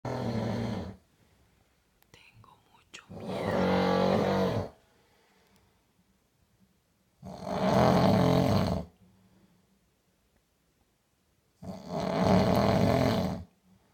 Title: Authentic Norwegian troll snoring